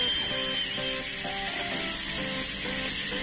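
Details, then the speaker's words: Dental drill with a smaller long-shank round bur deepening an endodontic access cavity on a mandibular molar to feel the drop into the pulp chamber: steady high-pitched whine, wavering slightly, with faint music. "i have changed my round brush into a long shampoo and it's now smaller so that i can easily feel the drop in okay i'll start drilling again"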